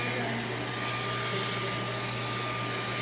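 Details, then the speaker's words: Skin-cooling air blower running during laser tattoo removal on a collar tattoo on a man's neck: loud steady rushing air with a low hum; normal device operation. "so stand by turning on the air and try out therapy and you can zoom in if you want to scoot in"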